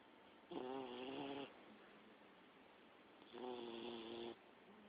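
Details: Sleeping Olde English Bulldogge: two long buzzing, vibrating snores about three seconds apart; loud upper-airway snoring.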